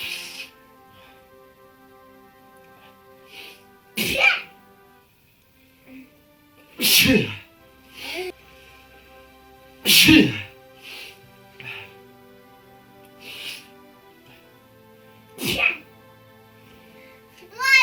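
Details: Sneezing induced by dripping kalanchoe juice into the nose, a folk remedy for a stuffy nose: several short sneeze bursts between high-pitched squeaky vocal sounds, with background music; repeated sneezing.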